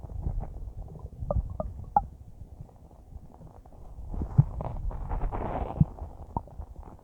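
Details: Normal bowel sounds recorded about a minute after eating a huge bowl of spaghetti: low rumbling, churning gurgles with a few brief squeaky pops, settling into softer small gurgles of digestion.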